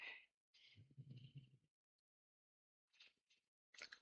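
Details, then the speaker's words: An old small dog snores while lying curled in its basket behind the speaker. "Vous l'entendez ronfler ? Oh, j'espère pas. J'ai petit chien chien vieille mes mère qui est en train de ronfler derrière moi."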